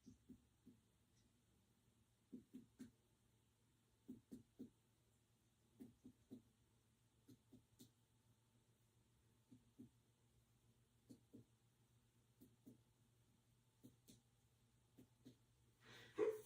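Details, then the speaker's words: Normal abdominal percussion during a head-to-toe nursing assessment: quiet finger taps in small groups, tympanic over gas-filled areas and dull over the organs. "So for areas, it's tympanic, and then of course for your organs, it's dull. So that's good. That's normal."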